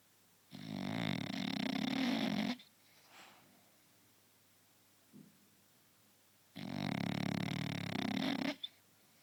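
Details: French Bulldog snoring: two long, loud, rattling inspiratory snores about two seconds each, six seconds apart, quiet breathing between, roughly ten breaths a minute.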